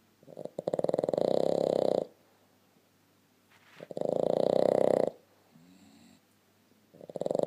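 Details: Sleeping Boston Terrier, nose to nose with a blue Staffordshire Bull Terrier, snores with a rhythmic, fluttering snore at about 18 breaths a minute, with quiet pauses and a faint whistle between.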